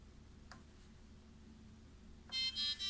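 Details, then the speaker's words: A faint click, then a loud repeating high electronic beep from an MJ210 infusion pump as the eject key is pressed to remove a clamped IV set after stopping operation; infusion pump alarm. "see the alarm will eject push so you need to one more time to put eject"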